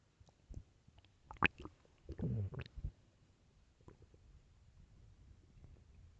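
Low gurgling and squelching rumbles in a quiet room, with one longer growl; ordinary stomach growling from gas and fluid moving through the gut.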